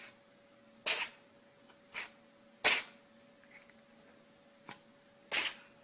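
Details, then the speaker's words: Small animal sneezing on command: several sharp, hissing little sneezes, about four strong bursts over a few seconds, with a steady background hum. "Charlie, sneeze. Good job, Charlie. Sneeze."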